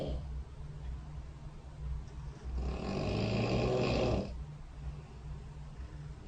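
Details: Snoring recorded overnight by a phone snore-tracking app beside the bed during sleep: a single rough, rumbling snore lasting under two seconds rising out of steady low room noise.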